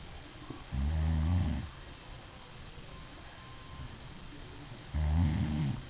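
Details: Husband recording his sleeping wife, two deep, rumbling snores on the in-breath about four seconds apart with quiet breathing between: ordinary snoring.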